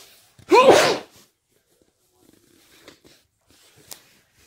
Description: wet and muffled sneezes, sniffles and nose blowing in the middle